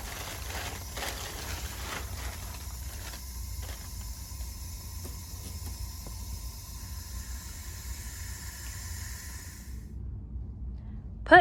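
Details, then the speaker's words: During a tracheostomy suctioning demonstration, a manual resuscitation bag is attached to the oxygen source set at 15 liters. A steady soft hiss of oxygen flow is heard, stopping near the end. "attach manual resuscitation bag to oxygen source and set oxygen at 15 liters"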